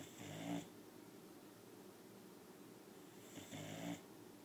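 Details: 9-month-old boxer puppy, very tired and pink in the face, snoring with her eyes open: two soft, rough snoring breaths about three seconds apart over quiet room noise.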